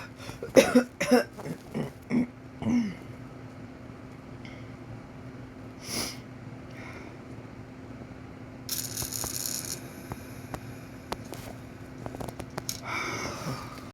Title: panni tummy tuck and muscle repair journey doing my breathing exercises to help me cough